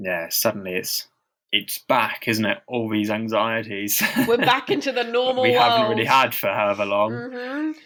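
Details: Stammering in a man who stammers and reports experiencing heavy blocks, speaking as co-host of a stammering association podcast; real, not acted.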